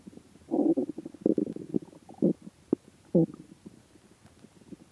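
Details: Bursts of low gurgling and squelching abdominal rumbles after 76 hours (3 days 4 hours) without food: stomach growling (borborygmi) while fasting.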